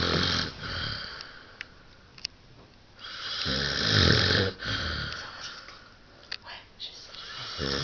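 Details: Sleeping adult snoring after an evening of heavy vodka-orange drinking: loud, rough, rattling breaths with a hissing exhale over room noise.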